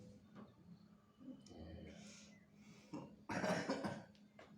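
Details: Persistent cough: a few scattered coughs and throat clearing, the last a loud harsh burst, with faint room noise.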